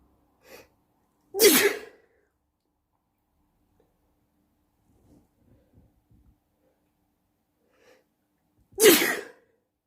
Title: Loud sneezing at night